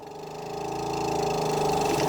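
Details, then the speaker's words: Steady motor hum with a low pulsing drone rising in loudness from a suction machine set to 120 for nasopharyngeal suctioning of an adult with airway-blocking secretions and dropped oxygen saturations; suction machine running. "okay and turn it on it needs to be between 100 and 150 for an adult so I'm going to set it to 120"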